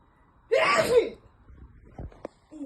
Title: WHEN MY SON VIDEO RECORDED ME WHILE I WAS UNAWARE. THEN CAME A VIOLENT SNEEZE. NGATSIMULA NJE!